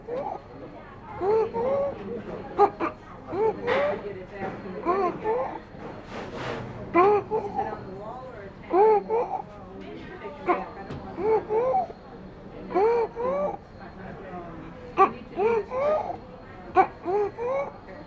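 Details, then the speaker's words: Child with stridor, from a WHO IMCI training recording: a harsh noise heard when the child breathes in. "look and listen to his breathing does petit have stride or what did you decide we heard a harsh noise when petit was breathing in therefore we decided the petit does have stride"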